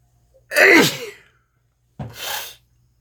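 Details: Two forceful sneezes about a second and a half apart, late in a prolonged sneezing bout; repeated sneezing.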